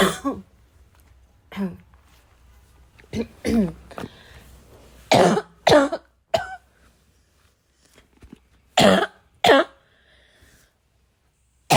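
Repeated harsh coughs mixed with throat clearing, coming in bursts with pauses. A prolonged coughing fit.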